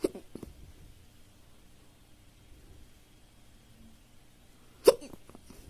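Two short, sharp hiccup sounds several seconds apart over quiet room noise, consistent with hiccups.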